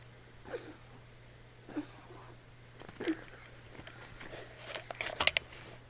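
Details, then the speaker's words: Male dog with ongoing cough: several short soft coughing bursts, then a quick cluster of harsh retching; owner says he gags like something is stuck in his throat. "see he just and then he gags like something is stuck in his throat"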